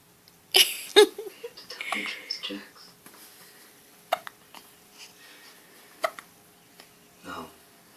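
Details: A 25-day-old newborn boy with hiccups: several short, abrupt catch sounds at irregular intervals, with soft room noise between them.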